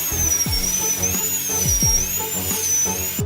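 High, steady whine of a dental drill with slight pitch wavering, over background music; small bur removing decay near the nerve.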